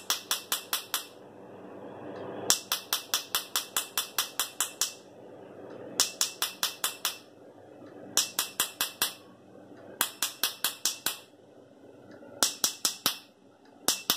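Bursts of sharp, rapid snapping clicks, several a second with brief pauses between bursts: laser pulses during tattoo removal.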